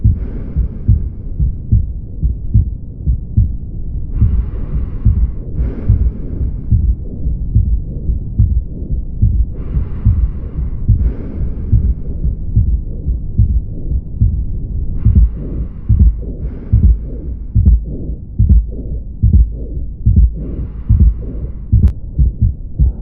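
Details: Regular heartbeat near 72 a minute with a low rumbling murmur between beats, typical of mitral stenosis.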